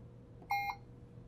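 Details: Puritan Bennett 560 ventilator during volume-mode setup: a single short electronic beep in a quiet room as the inspiratory sensitivity setting is raised by one; keypad tone confirming a setting change.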